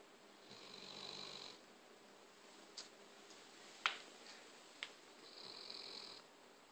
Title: snoring